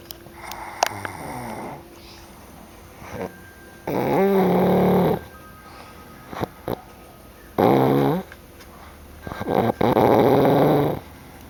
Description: my sister n my mum snoring